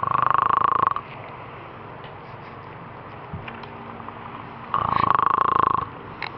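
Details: Two loud, buzzing, fluttering snoring bursts about four seconds apart with quiet between, over faint room noise and a distant voice.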